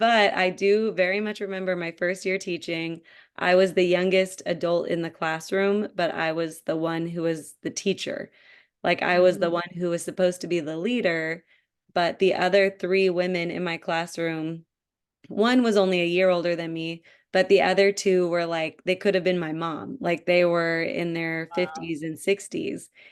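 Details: Adult woman speaking; typical speech.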